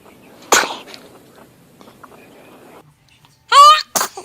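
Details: Baby sneezing: a single quick sneeze, then a short high-pitched vocal squeal and a second small burst, followed by "bless you".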